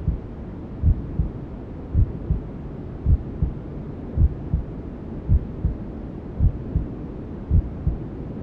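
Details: Newborn sleep-aid womb sounds: steady, muffled double heartbeats, about 54 a minute, under constant white noise hiss, a mother's heartbeat and belly sounds as heard from inside the womb.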